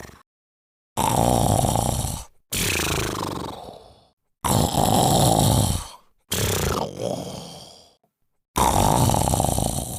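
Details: Sleeping Labrador snoring: loud, rough snores with snorting breaths in, about five in ten seconds, separated by brief silences.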